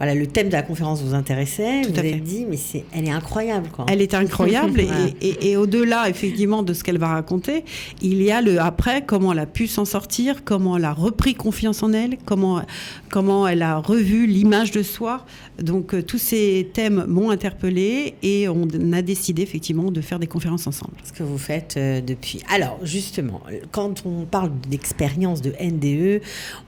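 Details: Adult woman speaking French; normal speech.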